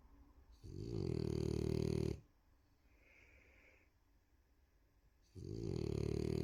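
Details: Two loud, long rattling inbreaths separated by a quiet exhale pause from a sleeping female French Bulldog: snoring.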